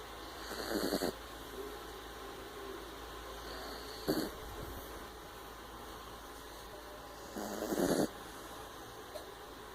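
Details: Puppy snoring: three short rattling breath noises about every three and a half seconds over steady room hum.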